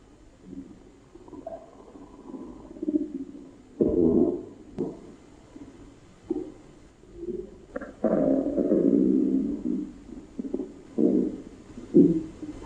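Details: Normal bowel sounds.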